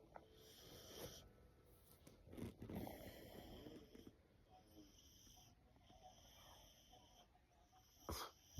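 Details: Soft, irregular snoring breaths with a nasal, wheezy edge from a sleeping American Bully puppy, snoring in the owner's ear; faint room noise in background.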